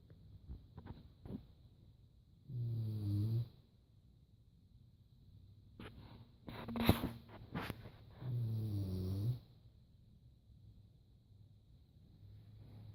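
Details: Dog napping: deep, low rumbling snores on slow breaths about six seconds apart, faint room noise, brief rustle; snoring.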